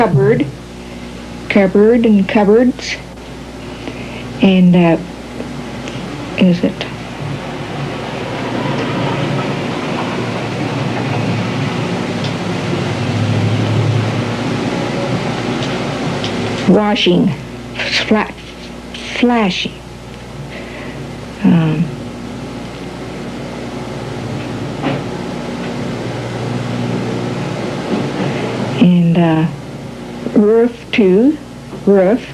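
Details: Patient with classic Broca's aphasia describing a picture, with non-fluent, effortful, telegraphic speech, long pauses and fillers. Broca's aphasia.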